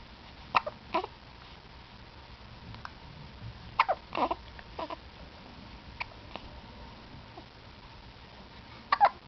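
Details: Two-week-old infant hiccuping: repeated brief, sharp hiccup sounds at irregular intervals with small fussy vocal sounds between them.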